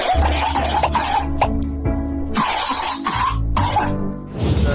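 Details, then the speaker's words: Several harsh, deep, bursting coughs in bouts over loud background music, with much sputum from the lungs; the doctor judges it 80–90% likely pneumonia in a child. Any wheeze is masked. "刚才这个声音呢，我听了，10有89是个肺炎。他咳嗽声音还是比较深的啊。"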